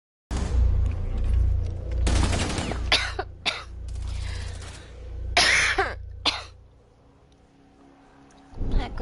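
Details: Several harsh coughs from a girl who complains of a very sore throat and wanting to blow her nose, heard over video game music and sound effects.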